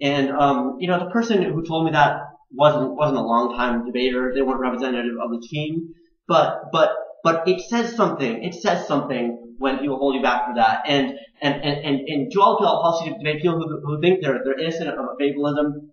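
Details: Adult man who stutters, also on the autism spectrum, with a father who also stuttered; syllable and word repetitions, pauses and blocks between words, worse when passionate or anxious; stuttering.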